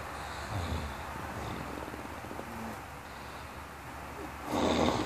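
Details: A father and son asleep in a room snore together with low rumbling, fluttering breaths, loudest near the end; snoring.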